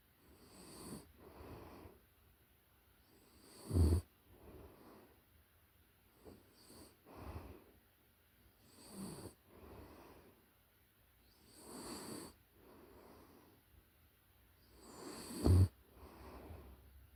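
Soft, snuffly snores and breaths from a sleeping puppy, with a couple of short snorts. Normal sleep snoring in a young dog.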